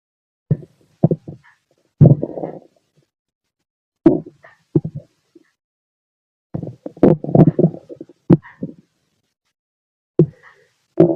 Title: The sound inside my body (heart & stomach) #auscultation #heartbeat #stomachgrowling #stomach #heart